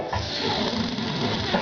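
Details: Man snoring loudly after drinking, with harsh, rattling, throaty vibration throughout the excerpt; snoring.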